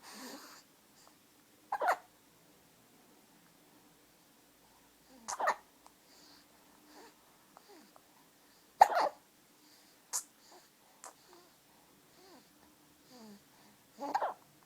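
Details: 9-week-old baby hiccuping when very tired and sleepy: short sharp catches of breath every few seconds with soft fussing sounds between.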